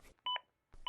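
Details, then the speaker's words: ZOLL AED Plus during CPR: two short, bright electronic beeps signalling that chest compressions again reach at least two inches deep after a push-harder prompt; AED CPR feedback tone. "the aed will let you know every 15 seconds if you don't reach the target cpr depth after being told to push harder if your compressions reach at least two inches again the aed plus will let you know"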